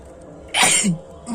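A single short forceful hissing burst with a brief voiced tail over steady room noise, consistent with a sneeze.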